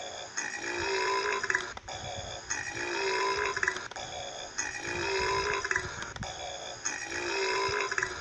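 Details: Burping: four long, drawn-out belches at a steady pace, each a throaty rumbling tone.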